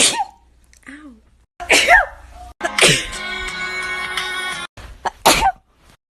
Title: Sneezing compilation